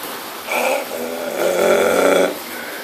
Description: I was holding that in so it all came out as a big freaking burp lol